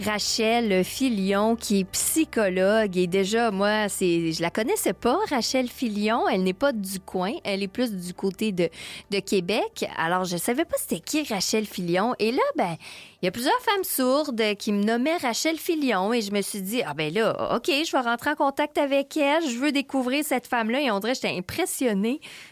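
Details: Adult woman speaking French; typical speech.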